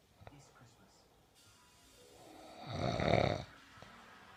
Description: My gem snoring